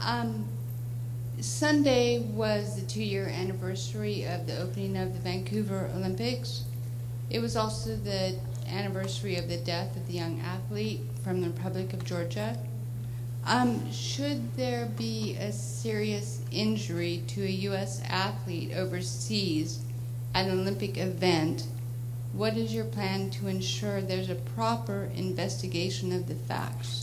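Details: Woman whose voice is limited due to an injury, speaking: dysphonia (voice impairment after injury).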